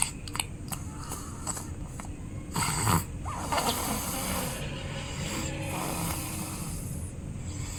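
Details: A sleeping baby snores loudly with rough, rattling noises and a louder snorting burst partway through.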